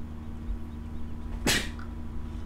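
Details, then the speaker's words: A single short sneeze, heard faintly in the background over a steady low electrical hum. "Je sais pas si vous avez entendu éternuer, bon, peu importe. C'est pas très grave."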